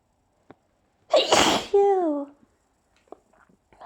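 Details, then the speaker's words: Loud explosive sneeze with a voiced trailing cry in a quiet room, from a person with hay fever that has been severe for several days. "okay i have to sneeze thank you i have i have to sneeze thank you i have to sneeze"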